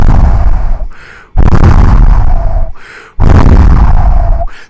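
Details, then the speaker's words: Vocal imitation of an early diastolic decrescendo murmur: a breathy blowing sound, like blowing across an open bottle, loudest at the onset of diastole and fading between S2 and S1, repeated twice. "sounds like a blowing like you're blowing across across an open bottle see how it descends into entire intensity"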